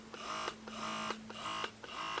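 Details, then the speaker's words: Quiet rhythmic whirring motor pulses, about two per second, each ending in a soft click: a Phanpy wearable hands-free electric breast pump running in stimulation mode, levels two to four of eight. "that's how loud it is it's not too loud this is the stimulation mode on level two level three four there's eight levels to stimulation mode"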